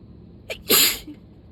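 A short indrawn breath followed by one loud explosive sneeze, part of a sneezing fit.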